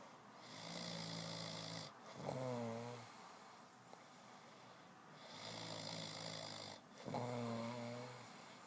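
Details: Young man snoring hard while deeply tired: two rough snoring breath cycles with a fluttering, whistling edge on each in-breath over room noise; loud snoring.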